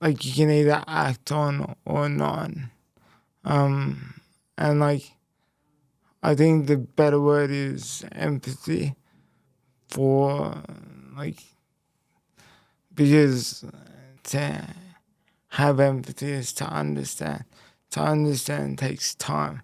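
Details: Speech impairment in a young man after a left-hemisphere haemorrhagic stroke at age 12, followed by a five-week coma, with right-sided body weakness; speech was the most affected area and had to be relearned, and he reports slower information processing.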